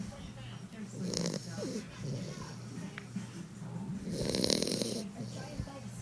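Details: A sleeping pet dog snoring: two main bursts of loud, rasping snores over a few seconds over steady background noise; ordinary dog snoring.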